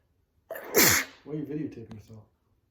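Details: Girl sneezing: a single loud sneeze with a sharp inward catch and explosive burst, followed by a brief voiced sound; sneeze.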